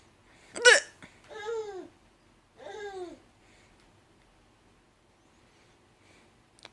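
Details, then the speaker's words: One sharp, abrupt hiccup from a grandma, then two bursts of baby laughter or babbling from a baby girl amused by the noise; a faint second click near the end: hiccups. "okay grandma's got the hiccups and apparently you think it's funny"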